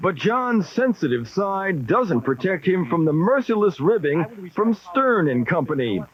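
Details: Adult male narrator; normal fluent speech.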